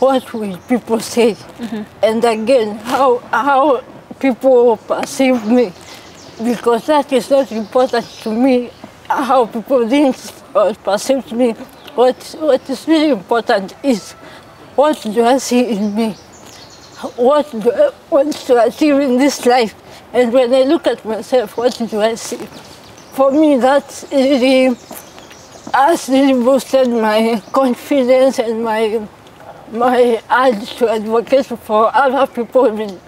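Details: 33-year-old woman born with cerebral palsy; dysarthria (cerebral palsy).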